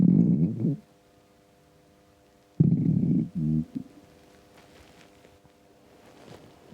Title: Empty stomach rumbles